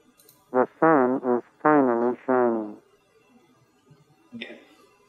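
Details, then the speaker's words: Simulated sound of a MED-EL cochlear implant, matched in the normal ear by a single-sided-deaf implant user: spoken phrase "The sun is finally shining" with an odd, buzzy, vocoded, watery tone lacking punch. "It still feels like it has a little bit more oomph in the CI side, whereas this feels so kind of neutered down that it feels a little bit more kind of watery and just not as much of a punch."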